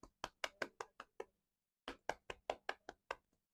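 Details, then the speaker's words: Cupped-hand chest percussion done gently by a physiotherapist on a child, seated bending forward with head down to help cough out mucus: hollow, soft pats in two runs of about seven. "ये देखिए, ये आपको proper एक cupping sound आ रही है, आपने ये करना है।"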